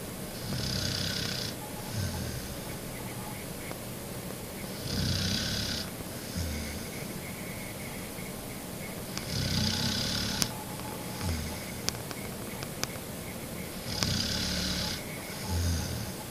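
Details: A sleeping female pet dog, described as a very heavy sleeper, snoring loudly: rhythmic, low, rattling snores with hissing breaths between them, about 14 a minute, against steady room noise; dog snoring.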